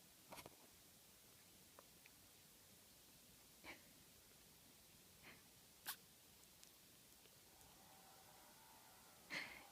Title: 3 week old kitten with hiccups